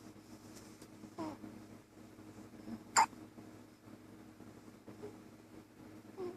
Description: Baby hiccups just days old